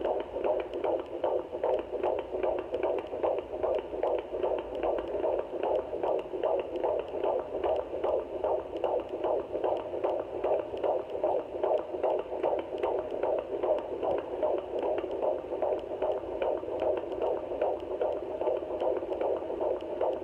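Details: Fetal heartbeat at 17 weeks 2 days of pregnancy on a home fetal Doppler: fast, regular whooshing pulses at about 150 beats a minute.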